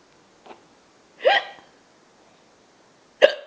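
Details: Mother with hiccups, a child laughing at them: abrupt, sharp vocal catches at intervals in a quiet room; ordinary hiccups.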